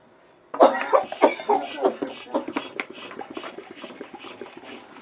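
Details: Fake, acted coughing staged as a "coughing up blood" prank on a wife: an adult's run of harsh, wet-sounding coughs trailing off into smaller hacks, not a real illness.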